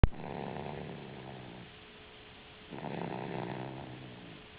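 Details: A young girl snoring in sleep: a brief click, then two low, rumbling snores with a pause between them.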